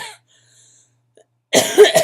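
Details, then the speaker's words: Adult with chronic illness and asthma complications, sick with bronchitis and taking steroids (prednisone), voice and coughs audibly affected; bronchitis cough. "As you can probably tell, because my eyes are like barely open, you can hear my voice, you can hear my coughs, and my body feels like it's been beat with a baseball bat, just by having taken everything I can that reduces pain."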